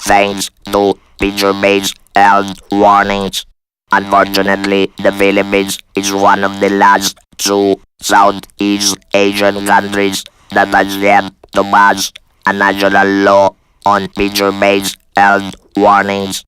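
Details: Adult man speaking with an electronic device after laryngectomy in 2002 for laryngeal cancer attributed to excessive smoking; electrolarynx speech.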